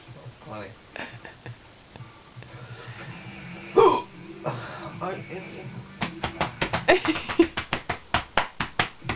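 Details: Hiccups in a drunk man: a sharp, gulping hiccup over room noise and faint music, then a quick run of rhythmic slapping thumps as he hits himself to try to stop them.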